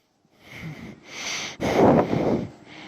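Rough, snorting breath noises, louder on one breath, consistent with snoring during sleep.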